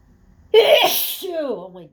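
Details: One forceful sneeze, a sharp burst of air ending in a falling voiced tail, from an adult in an office on a windy, pollen-heavy day; part of a long, out-of-control sneezing fit.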